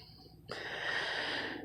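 A brief quiet is broken by a harsh, rasping, snort-like cough from a dog lasting about a second.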